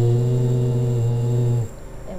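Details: Young man with right vocal cord paralysis after brain surgery for a tumour, very hoarse, before filler injection treatment; sustained phonation at normal loudness during laryngoscopy; hoarse voice from unilateral vocal cord paralysis.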